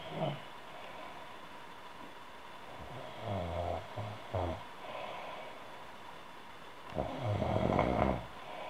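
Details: Human female snoring, audio only.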